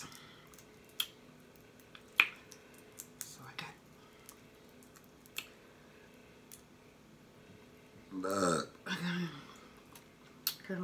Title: BLUE CRABS LIT 🔥🔥🔥|SMACKING AND BURPING| #asmrsounds #crab #seafood